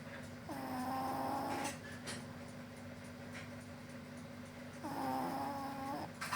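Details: Snoring during sleep: two long, tonal, buzzing breath sounds about four seconds apart over steady room hum; snoring.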